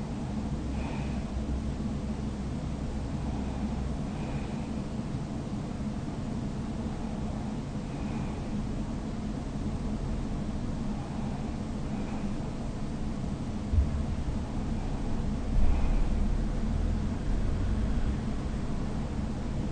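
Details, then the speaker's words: Adult's own sleep recorded overnight with a snoring-recording phone app: faint, soft breaths about 15 a minute under steady room hum, no loud breathing, snoring or sleep talk. Quiet sleep breathing without snoring. "まあね、自分バカでかい息とかでね、まあ出てなくてよかったなと思います。まあ寝息、スースーみたいな寝息みたいなのは、取れてたのかなと思います。"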